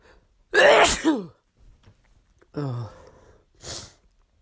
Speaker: bless me thank you huh these are strong